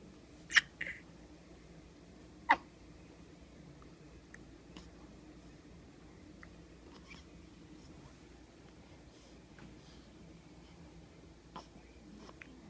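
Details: Ten-day-old baby girl with hiccups: two sharp little hiccups, then a few faint ones, in a quiet room; a newborn's common, harmless hiccups.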